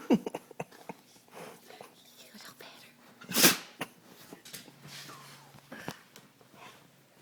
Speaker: poor baby it's is your nose it tickle your nose tickle your nose tickle what's wrong puppy